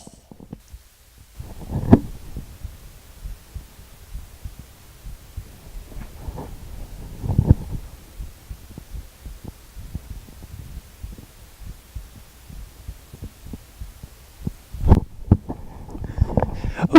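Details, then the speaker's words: Own heartbeat recorded by placing an audio recorder on the chest while leaning back: faint low thumping of the heartbeat with rustling and handling noise. "So, you probably heard my heart beating, which is pretty cool."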